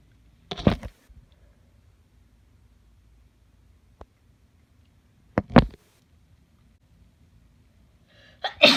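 Three sharp, wet-sounding sneezes in quick succession, separated by silence: a sneezing fit.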